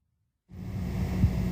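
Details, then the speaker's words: Normal bowel sounds heard with a warmed stethoscope diaphragm on the relaxed abdomen before percussion and palpation: low rumble with a brief soft gurgle, generalized clicks and gurgles of peristalsis, irregular, 5 to 35 per minute. "These generalized clicks and gurgles reflect peristalsis and should occur irregularly, 5 to 35 times per minute."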